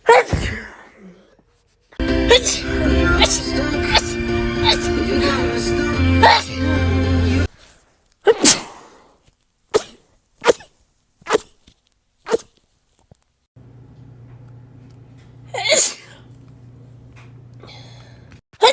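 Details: Compilation of one person's rapid sneezes with music in part of the background, after they describe nose pain and an urge to sneeze: a quick series of sharp sneezes in rapid succession.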